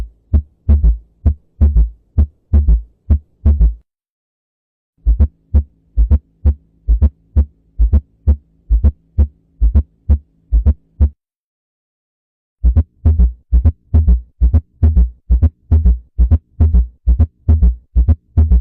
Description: Normal vs Abnormal Heart Sounds